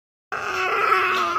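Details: Chubby baby boy gives a single sustained, high-pitched wail after a brief silence; typical infant crying.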